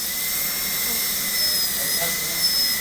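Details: Continuous high-pitched whine with hiss from a high-speed dental drill cutting a Class II cavity preparation, with the bur kept vertical, in a dentistry teaching session.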